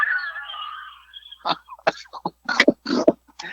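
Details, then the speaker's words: An adult man's long, whiny, wheezing laugh breaks into a run of short, harsh coughing bursts. He calls it a wheezy "fat man cough" that he blames on dairy. "uh that was the fat man cough by the way i can't even laugh anymore i'm so fat i mean cough that was a wheezy uh that had that had some dairy behind it"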